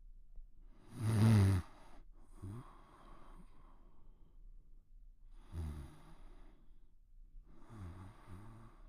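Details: Snoring during sleep: a loud snorting breath followed by softer rattling snores.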